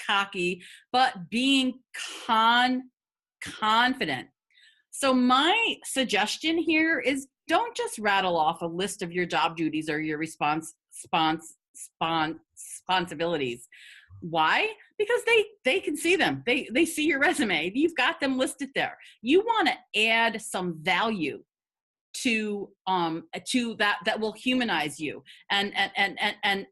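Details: Adult woman who has stuttered for 50 years; stuttering.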